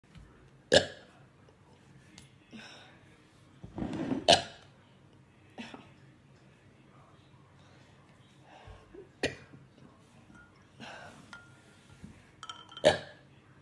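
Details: Woman with years of painful, persistent hiccups: sharp, abrupt gulping catches at irregular intervals with quiet in between, about four over the stretch.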